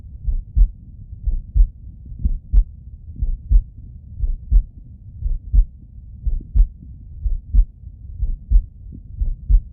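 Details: Adult male heart auscultated with a stethoscope: steady paired lub-dub heartbeats at about 61 per minute, even rhythm, no added sounds; normal heart sounds.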